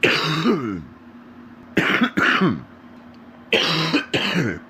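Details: Adult man with very stuffy nose coughs deeply in pairs, rough, rattling and phlegmy; wet productive cough.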